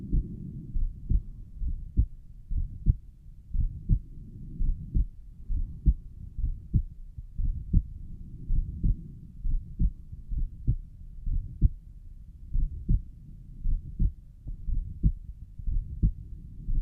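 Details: Self-recorded own heart, suspected systolic murmur at pulmonic valve: regular heartbeat about 62/min with a low rushing noise between beats, possibly a mid-systolic murmur.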